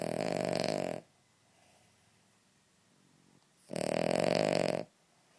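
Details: Snoring Cavalier King Charles Spaniel dog; quiet snoring sound that needs volume turned up.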